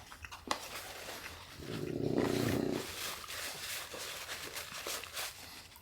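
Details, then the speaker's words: A sleeping dog named Crew snoring: a loud, rough, rumbling snore lasting about a second, with room noise around it. "I'm sure you can hear crew snoring"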